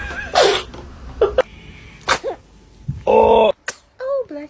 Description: This baby’s sneeze is the cutest thing you’ll see today 💖💨